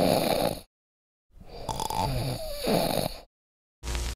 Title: Snoring sound effect